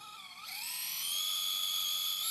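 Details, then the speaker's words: Surgical drill boring the second hole on the other side of a transverse fracture through a guide, reduction held, before staple insertion: high-pitched whining drill sound that rises and holds steady. "We're then going to drill the hole on the other side of the fracture."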